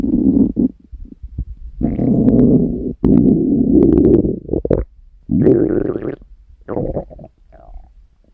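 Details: Stomach growling (borborygmi) recorded from a woman while she sleeps: bursts of low gurgling and rumbling from the belly, with quiet gaps between.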